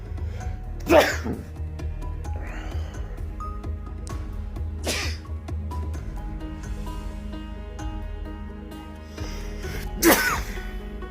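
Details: Person sneezing: three loud, explosive sneezes over background music, each a sharp burst of air.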